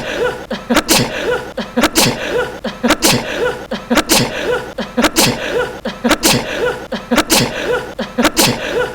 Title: くしゃみ 10分耐久 #2 sneezing 10 minutes 재채기 10분 내구